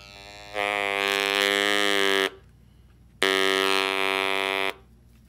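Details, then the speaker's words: TruTone EMOTE electrolarynx switched on to demonstrate its tone and volume settings, which are raised by rotating up and lowered by rotating down: two steady buzzing tones, each about two seconds long. "the very simple you just rotate them up to go higher and rotate them down to go lower you don't have to have the device on for these changes to take effect but I'm going to turn the device on so that you can hear them"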